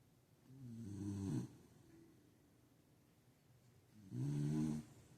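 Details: Sleeping Beagle dog: two low, rattling snores with quiet breathing between them; dog snoring.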